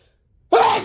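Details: Huge sneeze: after a brief quiet lead-in, a single sudden, loud, explosive sneeze.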